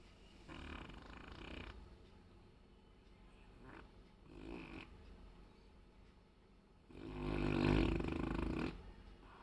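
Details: Sleeping Saint Bernard dog snoring: rough, low rattling breaths recurring, loudest near the end.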